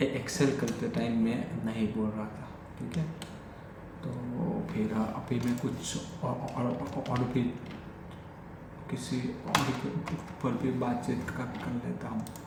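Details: Adult male who has stammered since childhood, speaking spontaneously in Hindi during daily stammering practice; repetitions of words and phrases — stuttering.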